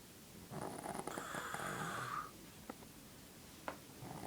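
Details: A sleeping mother snoring: one loud, rough, rattling snore lasting about two seconds, then quieter breathing.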